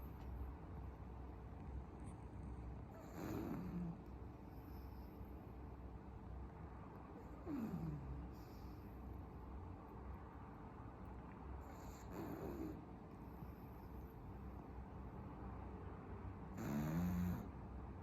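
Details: Pug puppy snoring in sleep: soft, regular snorting snores about every 4.5 seconds, roughly 13 a minute, over steady low background hum.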